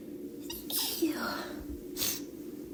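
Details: A girl's deliberately induced sneeze: a short breathy build-up of catching inhalations, then a sharp, airy sneeze burst in a quiet room.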